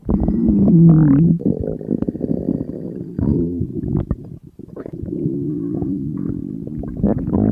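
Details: Empty stomach of a hungry person on a diet, in front of food: loud, continuous low rumbling and gurgling with pitched, groaning stretches. Hunger stomach growling (borborygmi).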